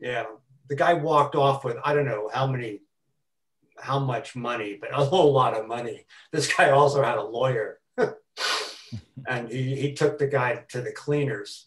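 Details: Adult man who has stuttered since about age four; stuttering with repetitions, fillers and blocks throughout his speech.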